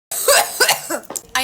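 A quick run of harsh, partly voiced coughs from an adult right after vaping.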